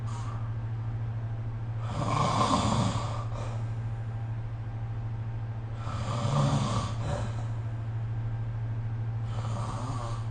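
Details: Snoring recorded with the SnoreLab phone app: rough, rattling snores on inhalation at roughly four-second intervals, about 15 breaths a minute, over a steady low room hum.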